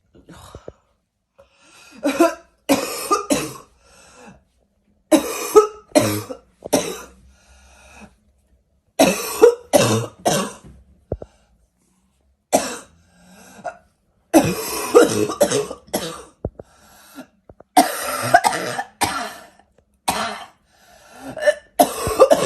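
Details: An adult coughs in repeated harsh bouts of three or four coughs with a barking quality; barking cough.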